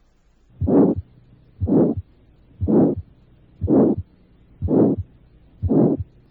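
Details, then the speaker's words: Combined aortic stenosis and mild aortic regurgitation: at the right second intercostal space only the stenosis murmur is heard, with the second heart sound absent; severe aortic stenosis with absent S2. "puede existir gran estenosis aórtica Con ausencia del segundo ruido y una insuficiencia aórtica ligera en el segundo espacio intercostal derecho solo se ausculta el soplo de la estenosis"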